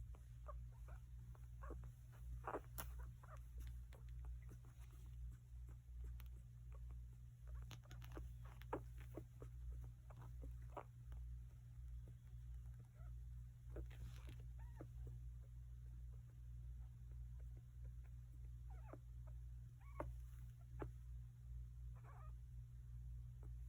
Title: 2 week old puppy grunting and wheezing (aftermath) pt 2